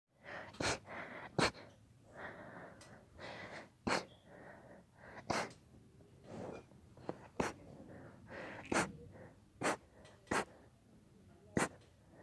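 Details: A run of about ten soft, stifled sneezes with breathy inhalations between, in a quiet room; sneezing.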